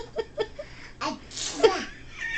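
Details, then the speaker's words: Child "sneezing" on request, in quotes so possibly playful or pretend: short breathy bursts then a sharp burst of breath, with an adult saying "God bless you" and "Do it again." "God bless you. He's sneezing. Do it again."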